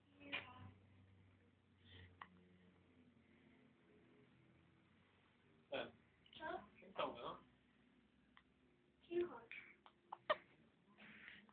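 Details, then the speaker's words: Brief sharp irregular hiccup clicks from a young baby boy, with soft adult voices in a quiet room. "hello Mommy's boy hi upy hicup hiup"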